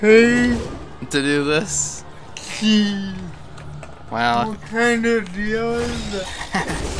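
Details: Father with cerebral palsy; dysarthric speech (cerebral palsy).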